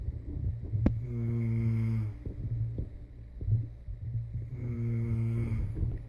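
Two long, low, rumbling snores on the in-breath, a few seconds apart, with a quiet pause between them; ordinary snoring.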